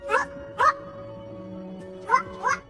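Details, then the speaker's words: Acted film scene (simulated): a young girl with Tourette syndrome, watching a school drama performance while the audience sits silent, makes four abrupt, short, bark-like involuntary vocal tics over soft background music. "while everyone in the audience watches in silence she cannot help but make a noise because of her tourettes"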